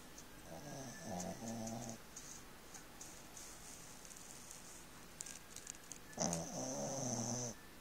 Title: My shitzhu snoring like a dude.. ;p